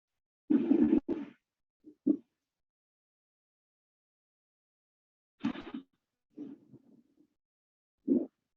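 Quiet, scratchy, creaking bursts like leather rubbing, recurring with breathing, heard over the chest: a pleural friction rub.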